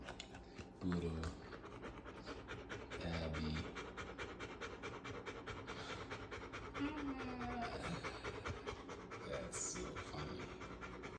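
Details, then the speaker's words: A standard poodle puppy breathes fast after a run: rapid, steady panting with a few louder bumps and noises; normal breathing after exercise. "this is what happened after running and running and running Pluto so this is our standard poodle his name is Abby after running that will happen"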